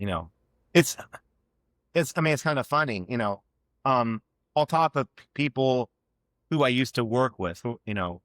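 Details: Adult man who has stuttered since childhood and had years of speech therapy aimed at fluency; real, spontaneous conversational speech with stuttering.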